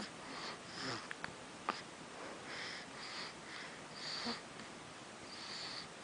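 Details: Infant's soft breathing broken by a few brief, sharp, click-like catches: hiccups.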